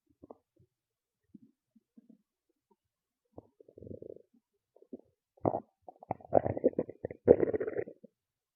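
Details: Irregular stomach gurgles and squeaky growls building to loud rumbling runs; active bowel sounds (borborygmi), a normal digestive sound.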